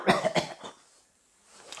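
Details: Acted cough in a Korean monodrama, by a character with a lingering cold, headache and muscle aches: three short coughs in quick succession, then a quiet pause; simulated cold cough.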